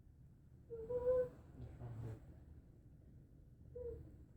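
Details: Child with whooping cough (pertussis), in bed at night, gives a faint cough followed by high, musical indrawn whoops, then is urged to breathe and spit up.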